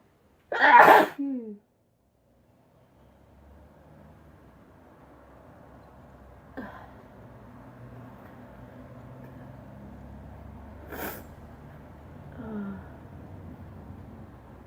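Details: One loud sneeze, then after a pause three softer sneezes over quiet room noise, from a sneezing compilation; ordinary sneezing.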